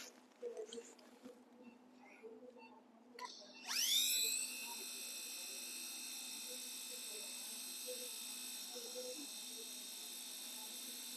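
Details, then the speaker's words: Drilling for locking screws in the distal fragment during plate ORIF of a long oblique displaced fourth metacarpal fracture of the right hand: after quiet room noise, a high whining surgical power drill spins up and runs steadily. "Just removing this K-wire, as you have put the distal and proximal screws, and now I'm going to put some locking screws on the distal fragment. So I think two screws you are going to put here."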